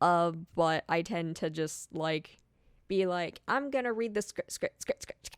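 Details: Speaker who says they stutter badly when reading scripts, less when speaking unscripted, reading a script: stuttering with repetitions.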